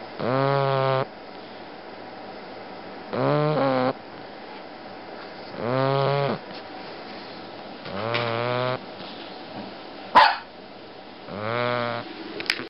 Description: Snoring Bulldog